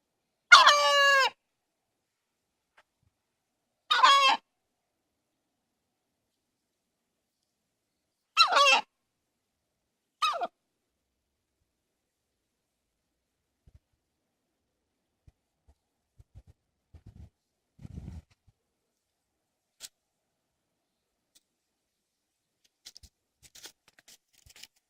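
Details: BR hen with a "cough" for several days, cause unknown, pen mates unaffected, owner wonders if something is stuck in her throat or esophagus; four abrupt honking cough-like bursts, then faint rustling.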